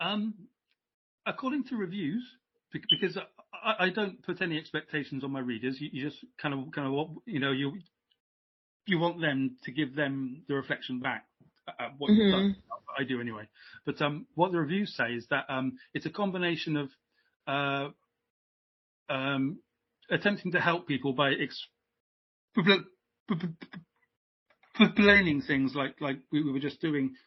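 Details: Adult British man who has stammered since age five, repeating stammer in childhood that later took hold; now much improved, uses voluntary stammering and modification techniques (stuttering/stammering)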